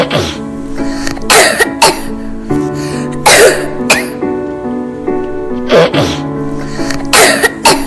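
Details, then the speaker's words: Otherwise healthy, smiling child with a cough, possibly reflux: repeated short, wet-sounding coughs in small clusters over background music. "Tratamiento: ver pediatra, dieta, medicamentos recetados Otros síntomas: ninguno. El niño debe verse totalmente sano, sonriente, etc."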